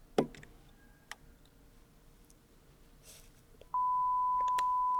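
Faint clicks and handling noise in a quiet room, then a steady pure beep that holds: a 1000 Hz bone conduction hearing test tone.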